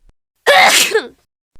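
One loud sneeze, a sharp burst of breath with a short voiced tail, replayed from a game or cartoon character.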